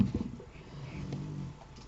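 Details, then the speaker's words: Snoring from a French bulldog behind the speaker. "Alors, si vous entendez ronfler, c'est ma chienne derrière."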